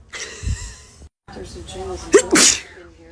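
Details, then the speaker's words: Person in the morning who says they just sneezed all over their phone: voiced intake sounds build to a loud, explosive sneeze, with talk and room noise around it; sneezing. "WHAT? JUST SNEEZED ALL OVER MY PHONE."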